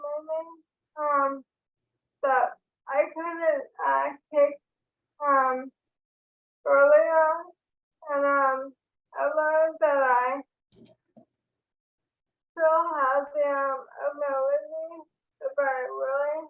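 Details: Woman diagnosed with ALS in 2014; dysarthria (ALS).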